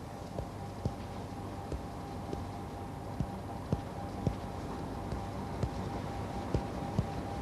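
A series of soft, hollow taps on the chest, side to side, over a steady room hum: normal resonant percussion note, equal on both sides.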